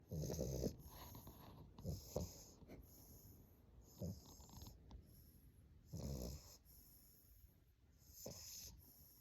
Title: Snoring Bulldog #englishbulldogpuppy #snoring #puppy #sleepy #puppy